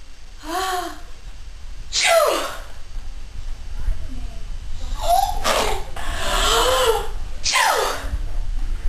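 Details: Six-month-old baby sneezing: a series of quick voiced gasps and bursts of air in close succession, several in a few seconds, over steady room noise.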